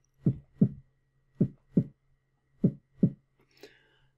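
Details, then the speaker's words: Normal heart sounds: three clear lub-dub pairs (S1 and S2) at about 50 a minute. "primary heart sounds are the classic lub dub where the"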